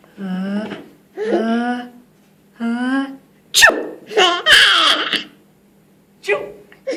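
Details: Sharp, bursting sneezes mixed with a young child's voiced laughter; ordinary sneezing.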